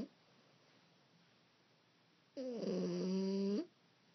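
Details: A single loud, rattling, buzzing snore after a quiet stretch from a sleeping 15-week-old French bulldog puppy.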